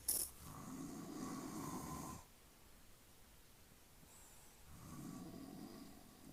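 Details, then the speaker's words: Father asleep, snoring loudly: two long, low, rattling snores on the in-breath, separated by a quiet pause; ordinary sleep snoring. "Lakas humilik ka."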